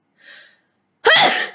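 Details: Soft quick in-breath, pause, then one loud explosive sneeze burst; a single ordinary sneeze.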